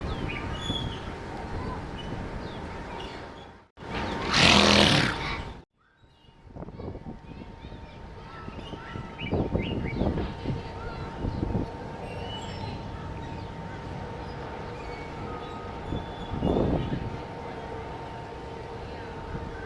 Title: Pony sneezed while eating hay